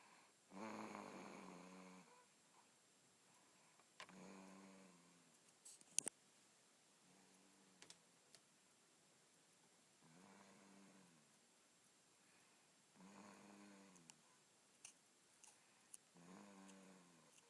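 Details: Loud snoring from a sleeper, repeated buzzing, vibrating snores every few seconds in a quiet room with occasional small clicks between breaths; snoring.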